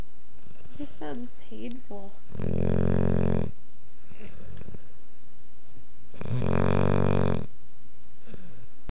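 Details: A 5½-month-old Boerboel puppy snoring while asleep with her head on the owner's lap.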